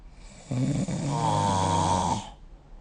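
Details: One long, loud, rattling snore with a harsh vibrating buzz, then quiet, from a person during sleep, recorded with the SnoreLab app.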